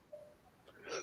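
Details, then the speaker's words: During a conversation in a quiet setting, a single short, abrupt voiced catch near the end of the clip; the speaker says he has the hiccups: hiccup. "The hiccups. Yeah, I got the hiccups."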